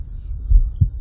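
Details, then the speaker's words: A person's own heartbeat recorded with an Echo stethoscope and filtered to low frequencies in Audacity: deep, low thumps of the first and second heart sounds, four clear beats; normal heart sounds. "Now that we can hear our heartbeat a little better, we're going to listen through and find where the best section of the heartbeat is. You only need to find 3 to 4 pulses with good audio quality, so we're just going to press play and I think these 4 here sound pretty good."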